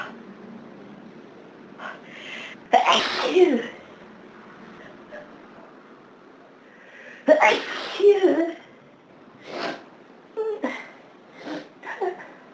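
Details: Two loud sneezes then several softer sniffs and half-sneezes in a quiet room, on a day of severe hay fever; repeated sneezing.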